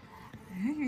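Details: Infant boy born at 27 weeks, medically complex, with a tracheostomy, trialing a Passy-Muir speaking valve; he cannot yet push air out, so he makes noises as air exits his mouth; infant vocalization through a tracheostomy speaking valve.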